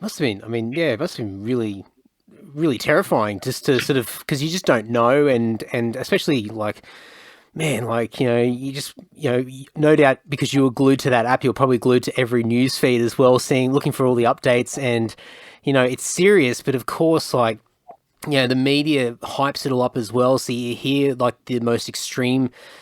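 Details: Adult man speaking; normal speech.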